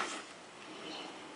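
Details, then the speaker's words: CPAP machine with humidifier used for sleep apnea, in use for about a week, running with the mask taken off the face: steady, soft rushing hiss of constant airflow. "But anyway, you basically just strap this thing on your face like so and hit the button, and then air starts rushing. Then you can't really talk anymore."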